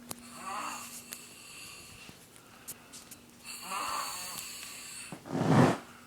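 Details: Chubby younger brother asleep at 1 a.m., loud rasping snores on each breath ending in a heavy snort, faint steady room hum; loud snoring.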